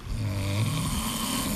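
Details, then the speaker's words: Viewer-submitted phone recording of a loved one's snoring, judged by a hospital expert as not clearly showing apnea: steady low rumbling adult snore continuing without any pause in breathing. "YOU PEOPLE ARE UP LATE AT NIGHT. ANNOYED WITH LOVED ONES WHO SOUND LIKE THIS."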